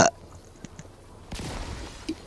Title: Burping compilation